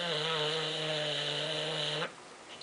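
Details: Male, deeply asleep after a tiring weekend away; one long, steady, buzzing snore with a clear tone lasting about two seconds, then quiet; snoring.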